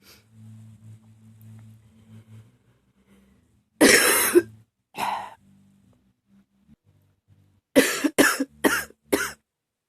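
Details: Persistent coughing fit in which the person can't stop: a long burst of coughing, then a shorter cough and four rapid harsh coughs in quick succession.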